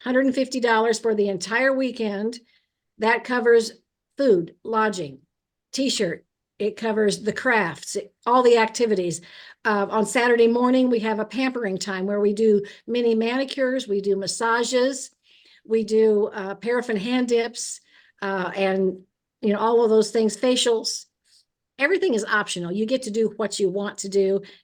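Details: Adult woman speaking; typical speech.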